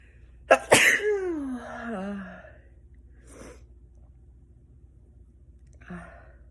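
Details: Person lying down, second sneeze of the session: one loud, explosive sneeze with a trailing voiced exhale, then softer breathing sounds; ordinary sneeze.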